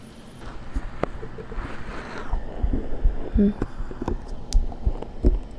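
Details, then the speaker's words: Adult's own heartbeat recorded for ASMR: soft, dull low thumps repeating through a steady hiss, heard through a close microphone. "Is that your heart or Slammies? That's my heart."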